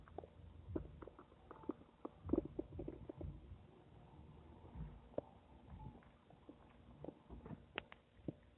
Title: My Stomach making noise 8